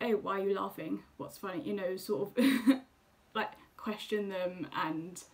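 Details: Woman who stammers; stammering.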